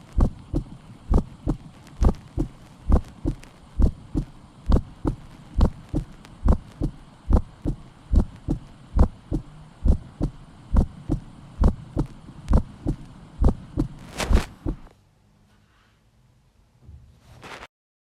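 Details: Normal heart sounds of a healthy 16-year-old girl on stethoscope auscultation: steady paired heart sounds at about 67 beats per minute.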